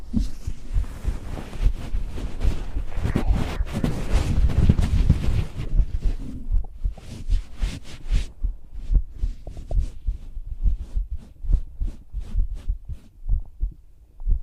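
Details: Normal heart sounds from a live heartbeat ASMR recording: steady, regular heartbeat at about 70 a minute, rustling handling noise at the start.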